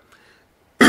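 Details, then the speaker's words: Adult man with a hoarse throat after an afternoon of cycling: near silence, then the abrupt, harsh onset of a single cough, cut off at the end. "je tousse je suis désolé je fais pas mal de vélo cet après midi donc du coup j'ai un peu la voix la gorge enrouée"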